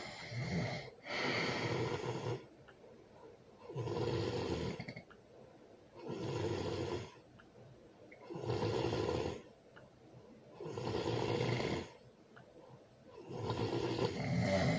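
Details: Loud, rough snores repeating steadily about 25 per minute with quiet pauses between breaths, recorded with a baby nearby; snoring.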